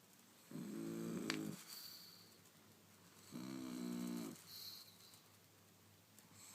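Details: Two long, rattly, droning snores about three seconds apart from a sleeping, twitching Pug in a quiet room; snoring.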